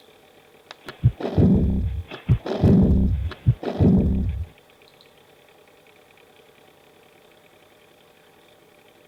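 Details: Pediatric teaching recording of aortic regurgitation, heard at the left sternal border: three slow heartbeats, each followed by a long, fading blowing diastolic murmur.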